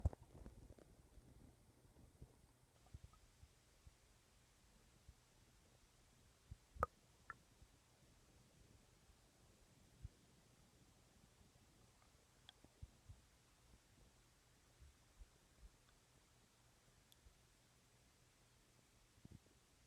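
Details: Late-night stomach growling: quiet, irregular low gurgles and soft pops from the abdomen, typical of ordinary borborygmi.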